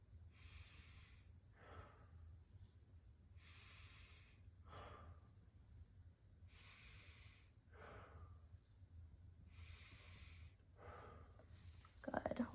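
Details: Head-to-toe assessment, listening over the patient's back: four slow, deep breaths, each an airy inhale then softer exhale, no wheeze or crackle; clear lung sounds over a low room hum.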